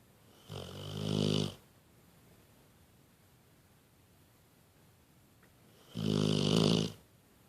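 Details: Pitbull dog napping and snoring: two loud, rumbling inhaled snores about five seconds apart.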